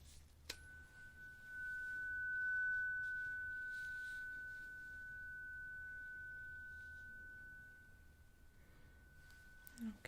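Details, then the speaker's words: Role-played ASMR bedside hearing test: a struck tuning fork rings as a pure, steady tone that slowly fades in a quiet room. The eyes-closed listener, who complains of muted hearing with suspected earwax obstruction, reports whether it is heard right or left. "I need you to close their eyes and the moment that you notice the sound let me know then you're going to tell me if you hear it on the right or you hear it on the left"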